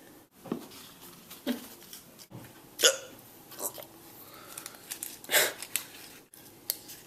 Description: Dang those hiccups...